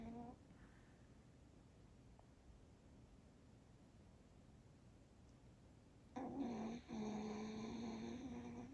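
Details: Sleeping dog; quiet room, then a loud buzzing voiced snore near the end with a brief break; a single snore in sleep.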